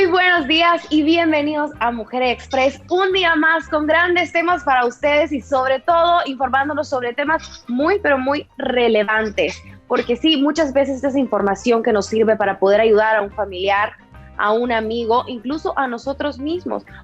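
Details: Adult woman speaking Spanish, TV presenter; normal speech.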